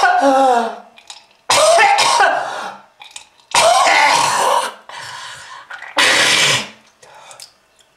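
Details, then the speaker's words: Acted smoker's cough: harsh, rattling coughing in repeated forceful bouts with throat clearing, imitating a persistent smoker's cough and warning of smoking-related lung disease. "ah ah allora that Red color is not from Fruit Punch Kids If you want to St In To You just Keep smoking This is l disease"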